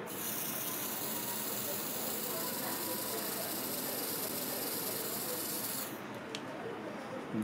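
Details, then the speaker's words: Vapocoolant (freezing) spray: a steady loud hiss for about six seconds, applied to a man's upper trapezius area before a trigger point injection of steroid and bupivacaine for a severe trapezius muscle spasm. "all right so what I want to do is I'm going to go up higher here a little bit so if you'll just spray in that area"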